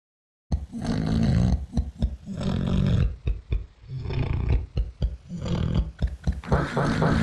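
Loud, rough, low rattling snores in quick irregular bursts, heavy and growly in quality; snoring.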